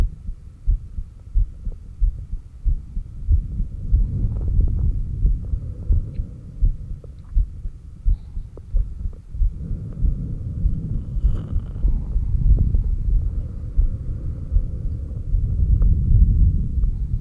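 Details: Heartbeat recorded with a stethoscope at the apex during breathing with exhaled (stomach vacuum) and inhaled breath-holds, with SpO2 shown on an oximeter. Regular beats, about 90 a minute, are partly masked by loud breathing, stethoscope rubbing and occasional stomach growls. Normal heart sounds.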